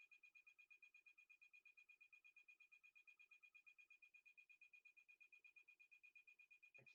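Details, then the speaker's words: MRI scanner on a volunteer during a demonstration, switching from non-diffusion scans to diffusion-weighted encoding; steady, rapid high-pitched knocking from the gradient coils, about 85 pulses a minute, with an audible shift in acoustics: MRI scanner gradient noise. "when we start to encode diffusion you will hear that in the gradients and it should just be coming up just a second if you can notice the shift in the acoustics"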